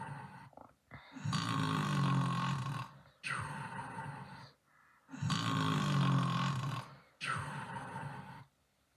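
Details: Loud rattling, rough, throaty snores on both inhalation and exhalation, about two full breath cycles over nine seconds; snoring.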